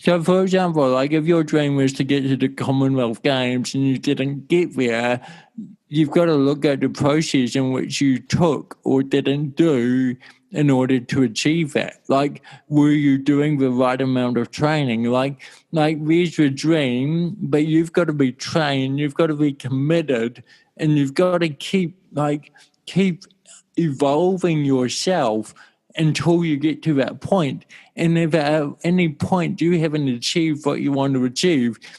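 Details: Adult male with cerebral palsy since birth in 1984; his walking and talking were affected; he had daily speech therapy for his first seven years; dysarthria (cerebral palsy).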